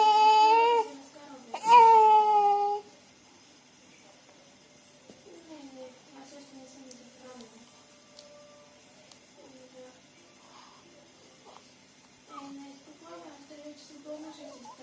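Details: Newborn girl only a few hours old, crying and yawning: two loud, high-pitched wailing cries, then quiet whimpers and soft fussing.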